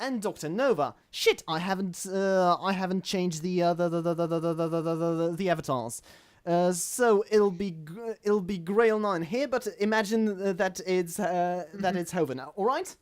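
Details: Adult male self-described stammering host in natural conversational speech, with word and phrase repetitions; stuttering.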